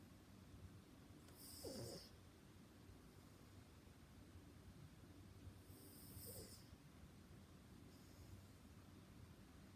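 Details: Soft snoring during sleep: quiet snorting breaths, about two over ten seconds, against steady background hiss.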